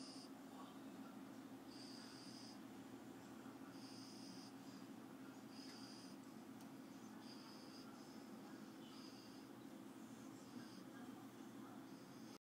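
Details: Sleeping person snoring softly: regular hissing breath noises with a faint rasp, repeating every couple of seconds.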